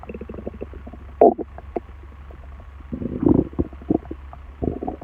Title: Stomach noise